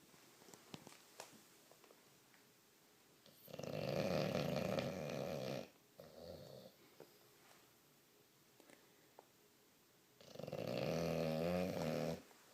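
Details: Sleeping bulldog, a flat-faced breed; two long, loud, rattling inspiratory snores with a quieter one between, in a quiet room; snoring.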